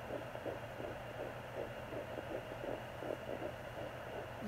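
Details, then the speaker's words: Fetal heartbeat at 13 weeks of pregnancy, suspected twins, on a home handheld Doppler: rapid rhythmic whooshing pulses about 165 a minute over steady hiss, briefly lost then found again. "you get a little couple seconds of it oh gone again sorry there's one i'm sure the other one's close by watch unless it moves we did that last time there it is you hear it"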